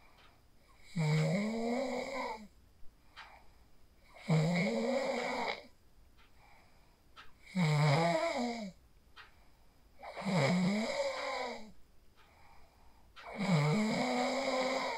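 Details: Phone recording of a person asleep in a quiet room after practicing the 4-7-8 breathing technique: five regular, rough, buzzing snores with short gaps, about 20 breaths a minute; sleep snoring.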